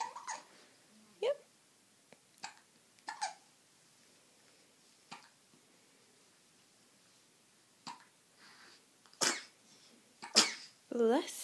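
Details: Two babies with hiccups: repeated short, sharp catches at irregular intervals in a quiet room, with small vocal sounds toward the end; infant hiccups.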